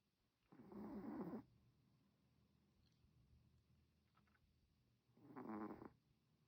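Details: Sleeping Chihuahua: two rough, rattling snoring breaths about five seconds apart, with quiet between them; snoring.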